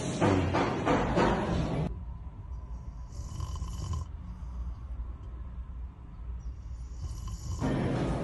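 Loud, low rumbling snores come at the start and end, with a quieter stretch of breathing noise in between; ordinary snoring.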